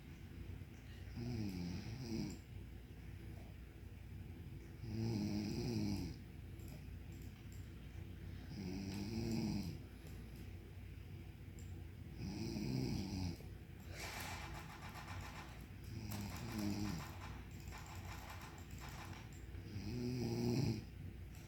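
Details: Regular rumbling snores on each in-breath, about 16 a minute, from a sleeping adult woman (mother); snoring.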